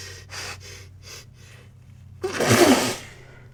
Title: Wet Sneezes and Buildups